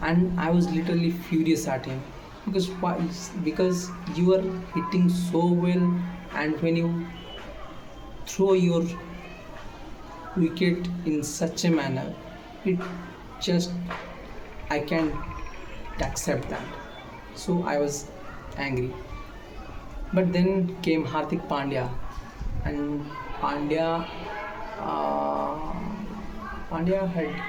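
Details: Male speaker who says he stammers; stuttering.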